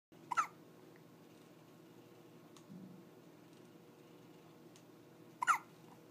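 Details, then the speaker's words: Two short, sharp catching sounds about five seconds apart against quiet room noise from a baby girl having her first hiccups, which wake her as she falls asleep: hiccups. "Hiccups. Hello. Oh, I thought they were gone. I thought she was falling asleep. She looks like they wake her up."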